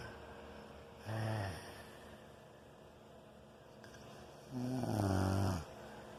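Two loud, low, rattling snores on breaths in, separated by quiet breathing, over steady room noise; ordinary heavy snoring.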